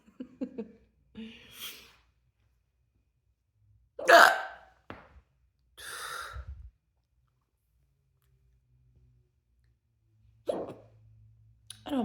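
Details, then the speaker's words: Four or five abrupt, loud hiccups, irregularly spaced over about twelve seconds, some closed-mouth with a short throaty catch; a hiccup spell in an adult. "I like the way a closed mouth hiccup sounds actually I do enjoy that let's do it again that's awesome wow what a unique sound you don't hear that sound often"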